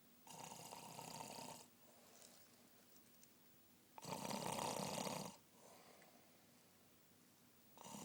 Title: Snoring man